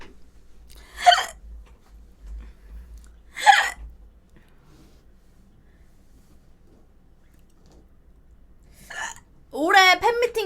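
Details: Two sharp, abrupt hiccup sounds a few seconds apart in a quiet room, followed by brief speech, from a streamer with recurring hiccups.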